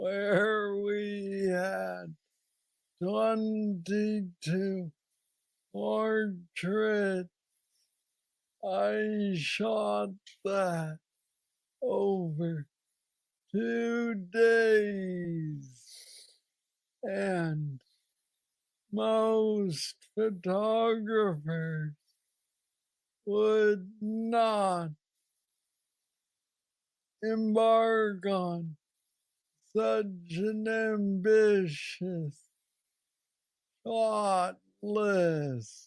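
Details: Man diagnosed with Parkinson's disease at age 35, about nine years earlier, with what he calls the most aggressive form he knows; treated with a brain stimulator implant. Hypokinetic dysarthria (Parkinsonian speech).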